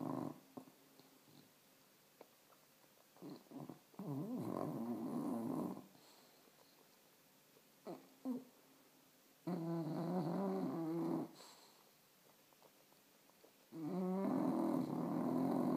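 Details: Sleeping dog snoring: loud, rattling, fluttering snores with softer snuffles between breaths, about four breaths a minute.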